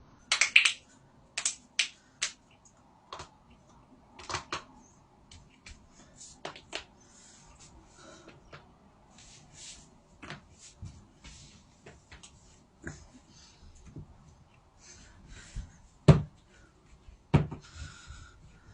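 Sharp, irregular pops and clicks in a quiet room, typical of joint cracking from gas release in joints.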